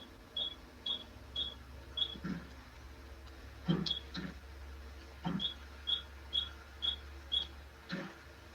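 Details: Repeated sharp clicks about twice a second, each a pulse from an intense pulsed light handpiece during a facial photofacial treatment for a few stubborn spots, in a patient who has had multiple previous treatments; IPL device pulsing.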